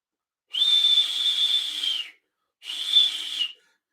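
Two steady high-pitched hissing whistles, imitated by mouth: a tea-kettle-like bruit over a dialysis access, a warning sign of narrowing.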